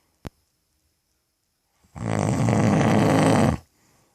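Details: Husband who denies snoring, recorded asleep: a sharp click, then one long, loud, rough rattling snore of over a second and a half; heavy snoring.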